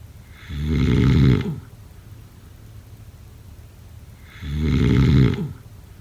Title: #snoring #snoringasmr #snoringsleepingsoundeffect #sleepnoises #snoringsounds